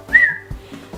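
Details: Adult with Tourette syndrome talking to camera, with other vocal tics (squeaks, "huh"): a brief, sudden high whistle breaks in; simple vocal tic (whistling) of Tourette syndrome.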